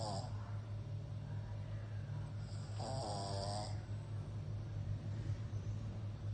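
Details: Pug snoring while asleep.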